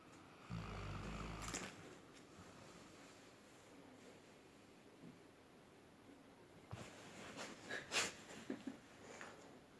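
A quiet room with a sleeping dog's breathing and a few rough snoring snorts; ordinary snoring.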